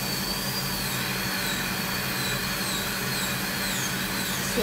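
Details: Man undergoing long dental drilling: steady high-pitched whine of a dental drill running continuously with a low steady hum underneath.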